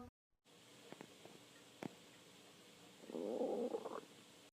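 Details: Soft gurgles and a sharp pop, then a second-long burst of bubbling, rumbling gut noise over steady background hiss: stomach growling, borborygmi.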